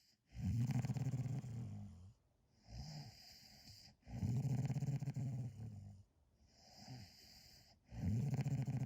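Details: Loud, low rattling snores on each in-breath alternating with softer, fluttering out-breaths, about 16 breaths a minute, from a sleeping dog.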